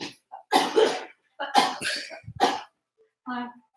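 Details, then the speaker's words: Adult teacher who is sick with a cough: three harsh coughs in quick succession, then a brief voiced sound. "Kylie and I think have the same sickness of coughing so if I start coughing really I don't know if you can hear the cough oh"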